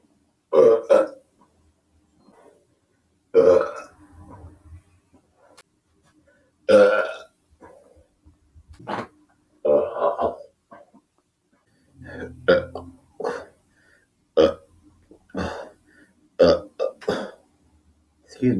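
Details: About ten loud, low, throaty burps at irregular intervals with quiet gaps between; ordinary belching.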